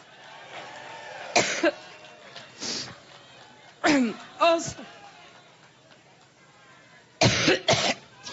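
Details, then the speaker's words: A woman at a Labor Day campaign rally in Cleveland, Ohio, September 2016, coughing fit at the start of her address; several harsh coughs in about six bursts with throat clearing, amid crowd room noise. "she had quite a coughing fit at the very beginning of the address she even joked at one point uh it's part of her allergy to Donald Trump"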